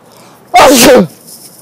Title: Sneezing prank